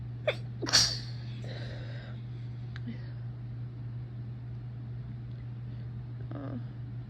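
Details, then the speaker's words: Quick catch of breath, then one sharp, loud sneeze and soft breathing over a loud fan hum; deliberately induced sneeze with a sensitive nose. "so I'm just going to be inducing some sneezes for a while so for"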